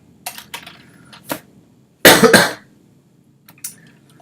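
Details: Adult coughing during a live coding stream, later saying they are done choking: a short burst of two or three dry coughs with faint clicks, in a quiet room.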